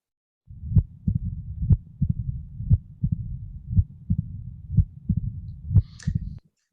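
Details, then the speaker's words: Young patient, heart center recording: loud first heart sound, second sound, an extra sound, then a long low rumbling murmur, described as a diastolic murmur in the young: mitral stenosis. "long murmurs mean diastole this is a diastolic murmur in the young"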